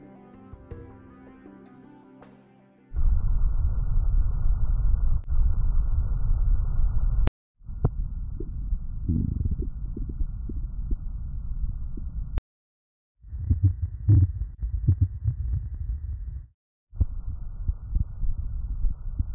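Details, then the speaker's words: Simulated bowel sounds from a HAL S3201 patient simulator across the four abdominal quadrants, each quadrant's volume adjustable: irregular low gurgles and rumbles in short segments after brief background music. "Hal has multiple bowel sounds on the four quadrants of his lower torso."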